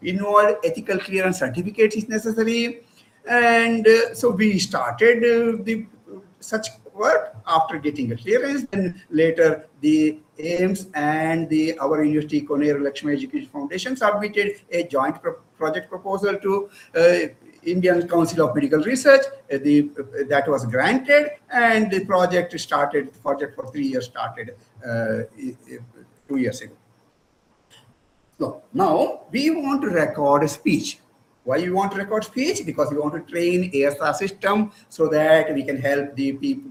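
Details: Adult male presenter; normal speech.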